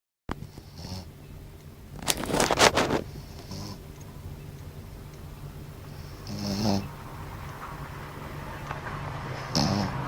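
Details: Shih Tzu, a loud snorer, sleeping: one loud rattling snore with a snort, then several softer whistling snores on each breath. Small dog snoring.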